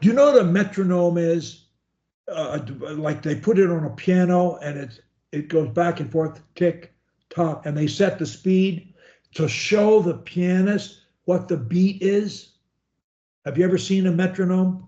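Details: Adult male speaker; fluent speech.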